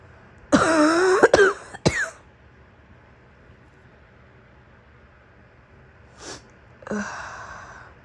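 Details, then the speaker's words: Acted cough from a sick woman in a role-play, a morning coughing fit described as barking: about three harsh coughs, then a quieter cough and throat sound in a quiet room. "You like it when my cough gets out of control and I start barking. All right, here I go again."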